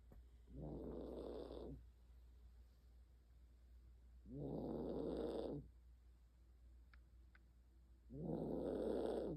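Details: Senior Maltese dog snoring during sleep: loud, regular snores with a short rattle on each breath, about 15 a minute, quiet pauses between.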